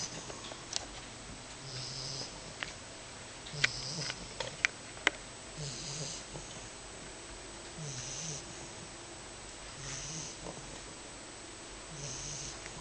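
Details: A 10-week-old female English Bulldog puppy snoring in sleep: soft, rhythmic snores about every two seconds, roughly 30 a minute, with faint clicks, one an elbow click, over a steady room hiss.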